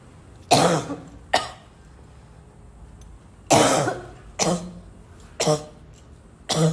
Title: coughing for days